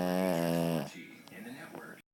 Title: Snoring Boston terrier